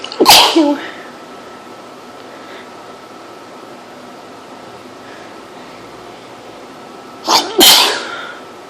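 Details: Person extremely allergic to cats, sneezing all day in a house with cat hair everywhere: two loud, sharp sneezes several seconds apart in a quiet room.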